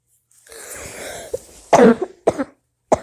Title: I went outside just to cough